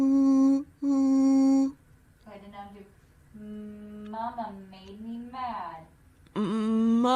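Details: Severe dysphonia, mainly strain, with adductor spasmodic dysphonia-like voice breaks and spasms in about 50% of modal pitch tasks; laugh normal, strain reduced on high-pitched tasks: adductor spasmodic dysphonia-like voice.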